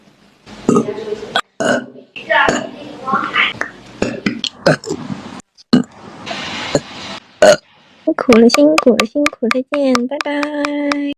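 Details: Female singer burping during livestreams, compilation: burps mixed with speech-like and voiced sounds, ending in a long tonal, musical burp; ordinary belching.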